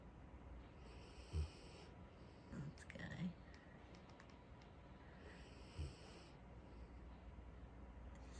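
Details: Brief low snorts and snuffling sounds at irregular intervals over steady background hiss while sleeping; snorting.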